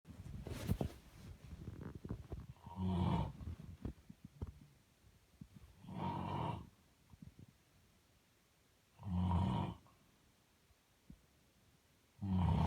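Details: Adult man (father) snoring, recorded in 2019: loud, low rattling snores about every three seconds, roughly 19 a minute, with quiet pauses between; adult snoring during sleep.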